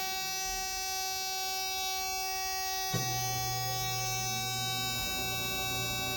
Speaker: the other thing you want to listen for is if this machine loses power so let's say there's a power outage a storm this is the sound you should hear